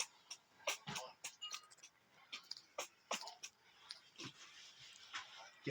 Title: the little sneezes